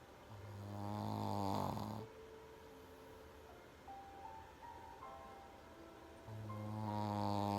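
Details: Pekingese dog, Momo, snoring: loud buzzing, rattling snores, one long inward snore then another starting, with soft background music between them.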